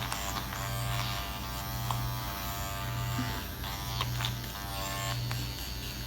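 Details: Self-microneedling over the nose with a Dr. Pen A7 (12-pin, 34-gauge) at 0.25 mm depth, face numbed with lidocaine: steady high electric buzz with faint rhythmic pulsing.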